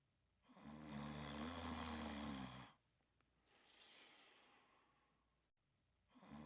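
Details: Snoring while sleeping and dreaming: a loud, low, rumbling snore on breathing in, then a quieter airy breath out, then the next snore begins.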